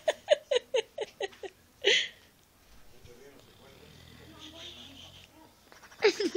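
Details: Tyson, an 8½-month-old boxer puppy asleep on a bed, snores loudly in puffing voiced snorts, a louder snort, then quieter breathing, with cheek-flapping noises: snoring.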